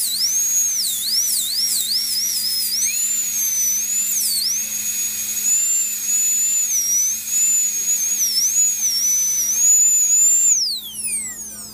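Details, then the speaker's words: Steady high-pitched drill whine that rises and dips as the bur cuts, then winds down. A dental drill is sectioning a Papillon dog's slab-fractured upper fourth premolar into three pieces for surgical extraction. "so the next step is going to be to section this tooth into three pieces I'll make a cut from here to here and then it cut down here on the palatal side"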